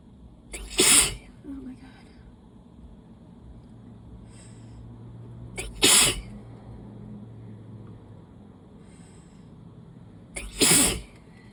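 Three forceful, wet, explosive sneezes about five seconds apart, with sniffing between; repeated allergy sneezing.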